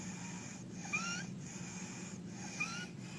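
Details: Sleeping child with chest retractions: a regular, repeated, high-pitched whistling noise on each breath in, presented in a pediatric emergencies talk as inspiratory stridor pointing to croup, or to epiglottitis if the child is toxic.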